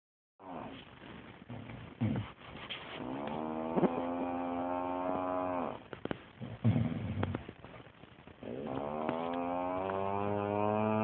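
Long, loud, droning snores with a musical, moo-like tone on the breaths; snoring.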